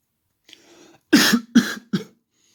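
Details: Cough: three sharp, harsh coughs in quick succession after a soft intake of breath, in a quiet room.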